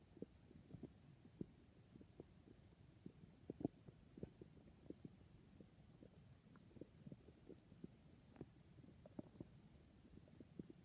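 Scattered quiet gurgles, pops and low rumbles at irregular intervals; ordinary stomach growling from gut movement.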